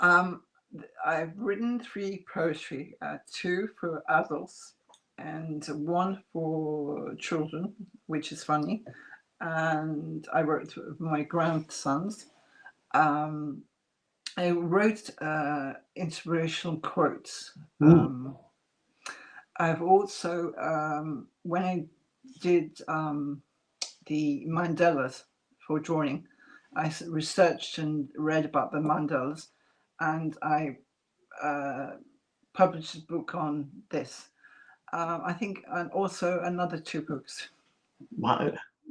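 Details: Adult woman, real case, mild residual aphasia after massive hemorrhagic stroke in March 2012 leaving her unable to speak or move, followed by three ischemic and another hemorrhagic stroke by May 2013; relearned speech, slight impediment remains.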